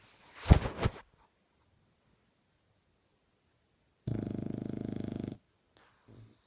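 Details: A bulldog snoring: a snort, a pause, then a long buzzy rattle with a quieter follow-on sound.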